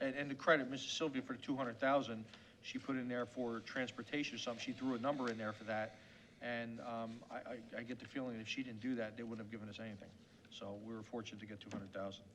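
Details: Adult man speaking; ordinary speech.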